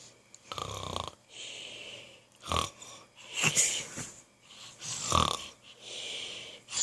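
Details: Child playfully imitating father's snoring with exaggerated snorting, rasping breath sounds; imitated snoring.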